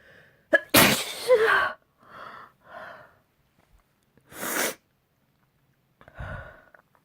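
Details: A sharp in-breath, then a loud explosive sneeze, softer breaths and a second sneeze, then a faint exclamation, in spring. Repeated sneezing.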